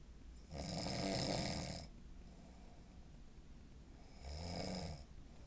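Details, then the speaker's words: Sleeping person with a deviated septum, surgery apparently not fixing it: two long, rough, harsh inhaled snores separated by quiet exhalation; snoring. "I don't think the deviated septum got fixed. Sounds like I might need to go back for a little more surgery."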